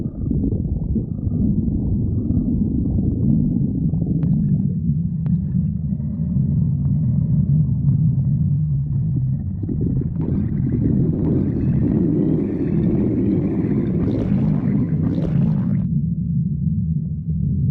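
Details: Continuous low, gurgling rumble with shifting pitch: stomach growling (borborygmi).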